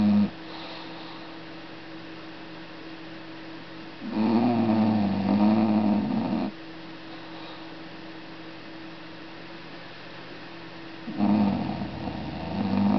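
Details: Snoring: two loud, buzzing snores lasting two to three seconds each, over a steady hum of room noise.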